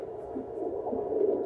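A steady whooshing, rapidly pulsing Doppler sound: a fetal heartbeat picked up with a home Doppler at 12 weeks of pregnancy.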